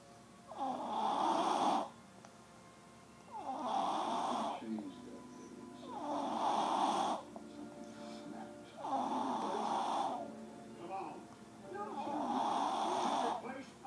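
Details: Baby snoring on the couch: rhythmic, rough snoring on each breath, about five breaths in fourteen seconds, with faint background music; snoring.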